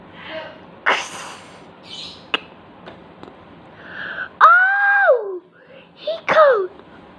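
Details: A single sharp, explosive sneeze burst early on, followed by squealing vocal sounds in a quiet room.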